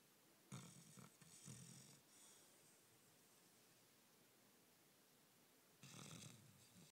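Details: Sleeping beagle: two bursts of heavy snoring and snorting breaths separated by a quiet pause. Dog snoring.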